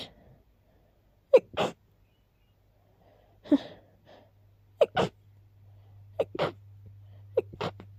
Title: A little random sneezing fit